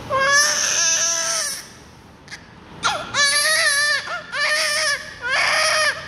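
Loud, high-pitched rhythmic wails from a newborn, a few sustained cries with brief pauses between them; an ordinary vigorous infant cry.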